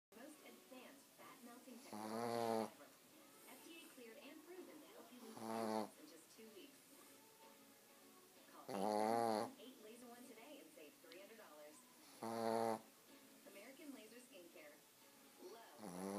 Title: THIS GUY SNORES WORSE THAN I DO!!!